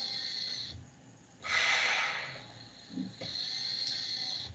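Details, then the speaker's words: Mechanical ventilator (test unit, not on a patient) in volume assist-control mode with inspiratory pause: steady hiss interrupted by louder rushing gas flow and a soft click as a breath is delivered. "Cómo la inspiración se alarga el tiempo que nosotros controlamos, ¿sí? Eso es la pausa inspiratoria."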